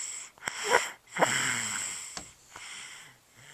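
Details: Noisy, snorting, whistly breaths with short nasal snores from a resting dog lounging; snoring.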